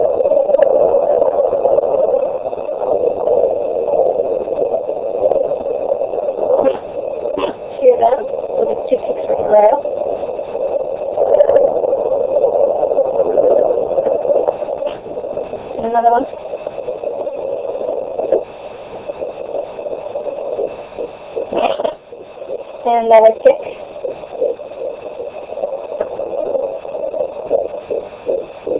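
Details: 18-week pregnancy, fetal Doppler: fast, steady whooshing fetal heartbeat about 136 per minute with occasional kick thumps; normal fetal heartbeat.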